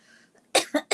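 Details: Three quick, harsh coughs in a short burst after a brief quiet, then a lingering cough, from an adult woman who says she can't talk easily this morning; cough.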